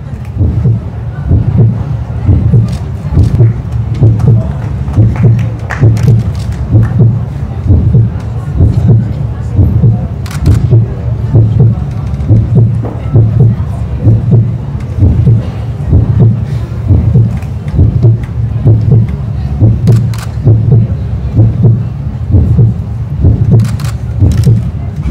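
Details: Model's own heartbeat, picked up at a fashion show by a microphone inside a medical stethoscope placed around the heart area and played through speakers built into the dress: steady low thumps at about 65 a minute, with crowd noise behind.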